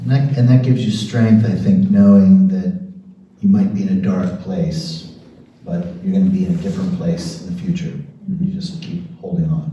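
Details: Adult man speaking; normal speech.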